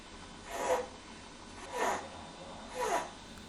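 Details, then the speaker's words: Child's stridor, a noisy breathing sound heard with breathing difficulty, shown alongside grunting and wheezing as serious breathing sounds in an ill baby or child, for example with pneumonia. "this is called strid all or like this sound which is called wheezing"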